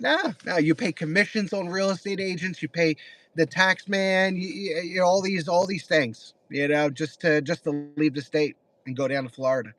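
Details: Man with mild Tourette syndrome diagnosed less than 10 years earlier, speech impediment since childhood, eye and shoulder tics, neurologists say stress related; speech disfluency in Tourette syndrome.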